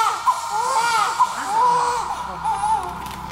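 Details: Newborn baby girl's thin, high-pitched crying with short wavering bursts amid operating-room noise and steady machine hum, immediately after emergency C-section following about 12 hours of labour.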